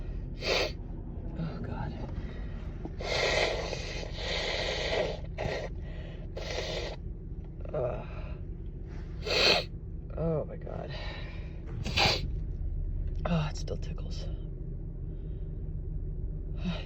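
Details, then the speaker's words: A woman with allergies sneezing: a series of sharp, gasping inhalations and explosive sneezes with sniffing between them, plus remarks about the tickle and blowing her nose. "I think I have to sneeze again. Oh, wow, that was big. Oh, excuse me, I need to blow my nose again."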